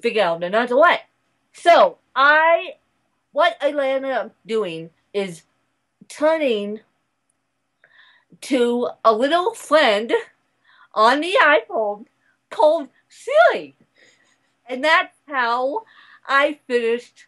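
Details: Adult woman born in 1987 with cerebral palsy from a birth injury, usually lack of oxygen; she reports a slight speech impediment that has improved over the years; the finding is dysarthria.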